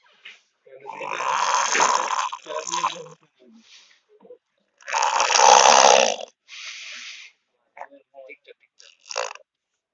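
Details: Sleeping boy snoring: loud, rough, rattling breaths with short pauses between them.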